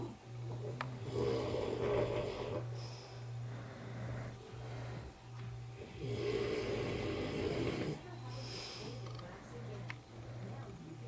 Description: This is exactly why is in a separate room.